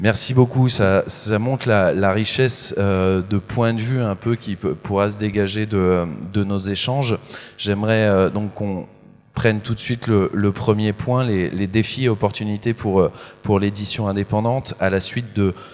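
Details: Adult male speaker; Normal voice.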